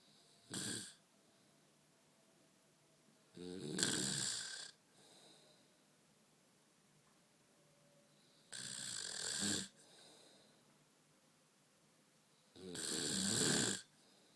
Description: My wife snoring again